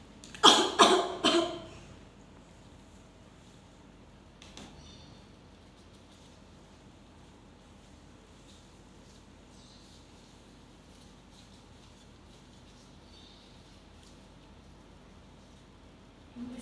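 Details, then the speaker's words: Three quick, forceful coughs in one burst, then a quiet room: a simulated deep-breathing and effective cough technique, patient seated, three breaths then coughing on the third, in a nursing skills-lab demonstration. "Sebelumnya Ibu nanti nafas 3 kali. Nanti yang ketiga kalinya Ibu batukan ya. Ya, sus. Tarik nafas 3 kali, Bu. Lalu dibatukan."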